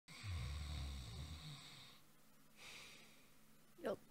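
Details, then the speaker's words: Snoring in a VTuber cuddle roleplay, the sleeper told to stop: a low, rattling snore on a long inward breath, then quieter breathing and a brief snort. "you're snoring stop it what what no ring oh sorry sleep on my side then"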